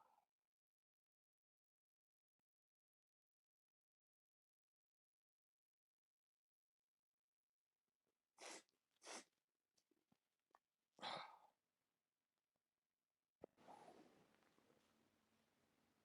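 Two quick sharp sneezes, then a louder third burst and a noisy exhale, after long silence; ordinary sneezing.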